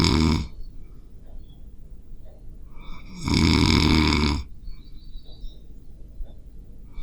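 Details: Two loud, rough, rattling inspiratory snores about three seconds apart with quiet breathing between: heavy snoring recorded while sleeping, made with a Zoom H5 recorder.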